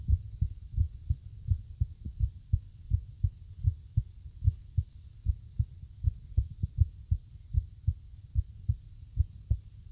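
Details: Irregular heartbeat.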